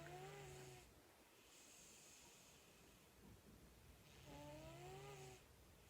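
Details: Boots, a pet, snoring in his sleep: two soft snores with a whistling, tonal quality, separated by quiet breathing over steady room noise. Recorded before he passed.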